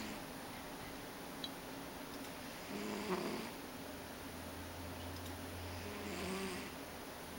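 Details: Sleeping ragdoll cat snoring softly and rhythmically, about one snore every three seconds, over steady room hum; snoring.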